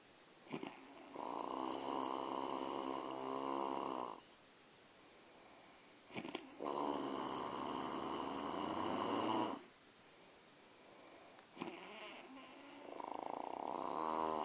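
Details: A father and his baby son asleep and snoring: long, steady snores, each with a short snort before it, three in about 14 seconds in a quiet room.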